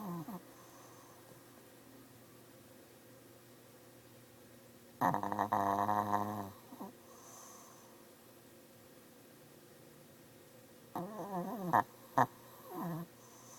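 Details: Shih Tzu with sinus issues snoring in sleep: rattling, nasal snores with pauses between breaths, some with squeaky whistling edges.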